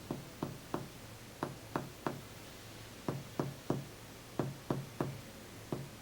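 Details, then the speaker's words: Chest percussion in a physical exam demonstration: about fifteen firm finger taps in short bursts, with a hyperresonant hollow note over lung shifting to the duller, flatter note of cardiac dullness. "Todavía hay pulmón aquí. Aquí también hay pulmón. Y ahí ya empezó la matidez cardíaca."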